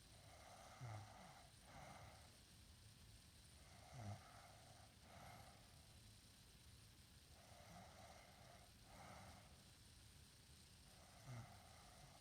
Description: She sleeps in and snores loud